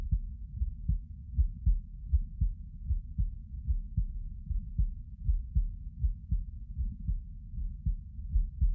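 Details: Normal heart sounds recorded while lying down: low, muffled, regular thump-thump beats at about 78 a minute under a steady low rumble.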